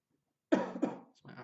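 Two quick dry coughs, then a short breathy exhale; a cough attributed to asthma.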